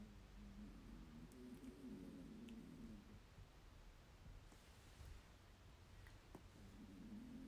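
Low, rumbling, fluttering breath noise from a sleeping dog, rising and fading over two breaths against steady handling noise: snoring.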